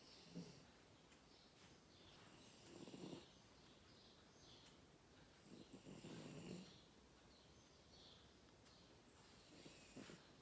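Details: Four-and-a-half-month-old French bulldog puppy sleeping in an odd pose: soft, rattling snores with each breath at about 17 breaths a minute, ordinary sleep snoring.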